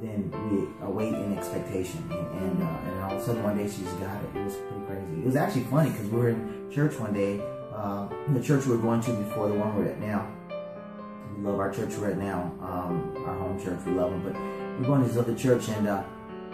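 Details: Adult male speaker; normal speech.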